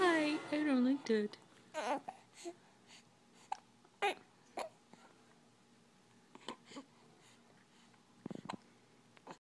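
Brief fussy infant cry at the start, then quiet with short sharp catches of breath; an ordinary infant cry with hiccups.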